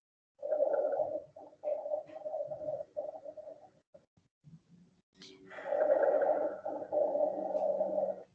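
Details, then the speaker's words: Rhonchi played in a pulmonology teaching session: coarse, purring sounds like a cat's purr from airway secretions, which shift with coughing, with palpable thrill on the anterior or posterior chest wall in a patient full of secretions. "incluso lo pueden comparar con el ronroneo del gato no hay cuando lo están comentando esto pueden sentir un crédito o un temblor cillo en el este en la pared anterior o en el parte posterior que si quiere decir que el paciente está lleno de secreciones"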